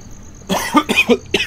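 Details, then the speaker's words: Adult man who says he is still a little sick coughs while playing a video game: several short, dry cough bursts in quick succession over quiet room noise. "my god i'm still a little sick so it's all right"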